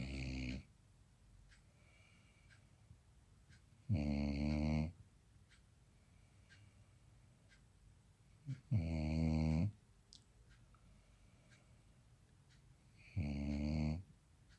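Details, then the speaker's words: Snoring in Riva: three low, rumbling snores with pauses between them, about 13 a minute, in a quiet room. "Oh, that was Riva's first snoring."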